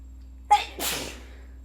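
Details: Sneezing during a head cold on its worst day: a sharp inhaled catch followed by a single explosive sneeze.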